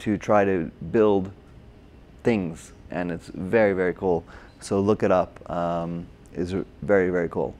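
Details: Adult man with aphasia from a stroke during heart surgery in 2007, about 10 years earlier, treated with OT, PT and speech therapy; difficulty with names, numbers, reading and writing; agrammatic with word-finding errors; Broca's (expressive) aphasia.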